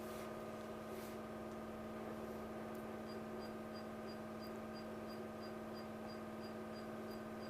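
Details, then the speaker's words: Diode laser beard hair removal on a man's face after shaving and cooling gel, trial shots: steady machine hum with cooling fan and a run of soft regular short beeps as the laser fires. "now we take a couple of a trial shots I will see how it turn out to be"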